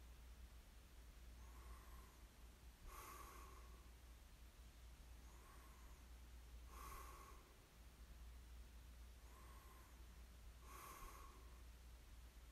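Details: Light snoring in ASMR sleep recording: soft, regular snorting breaths, about three cycles in twelve seconds, over a steady low hum.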